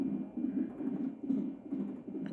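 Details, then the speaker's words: Fast, rhythmic whooshing fetal heartbeat of a baby girl picked up by a Doppler monitor at a pregnancy appointment, while the mother's contractions are also monitored for 20 minutes. "her little heartbeat. So, they're measuring her heartbeat and they measure my contractions for 20 minutes and see how close they are is pretty much what happens."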